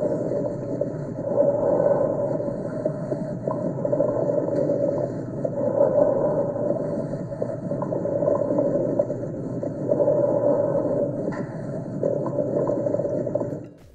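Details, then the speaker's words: Coarse crackles heard by stethoscope at the lung bases of a patient with bronchiectasis, over the breath cycles. "a continuación escucharemos un crujido grueso obtenido de un paciente con bronquiectasias auscultado en las bases pulmonares"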